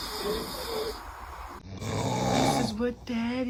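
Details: A rough, rattling snore from a dad, with background music and voices around it; snoring.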